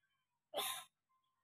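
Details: A sneeze from a child who has a fever, cough and cold (flu) but is still lively and playing.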